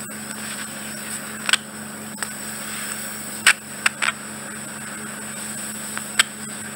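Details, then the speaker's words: Continuous microsuction hiss with a few brief crackling pops as wax is cleared from around the ear-canal edge of the second ear, during bilateral ear wax removal; routine microsuction ear wax removal. "So that's the skin, that's what's making that high frequency squeal."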